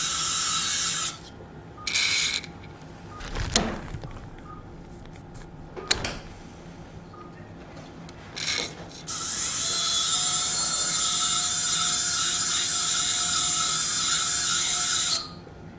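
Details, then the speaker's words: Surgical drill removing residual exostosis from the inferior ear canal wall during transcanal revision tympanoplasty for severe tympanic membrane lateralization after several previous operations; high-pitched whine in bursts with a long sustained run near the end. "okay so I need now to drill out the inferior part of the inter worldall because I think we have some exostosis residual exostosis on the right"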